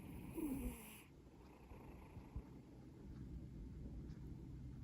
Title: Maine Coon Valentina snoring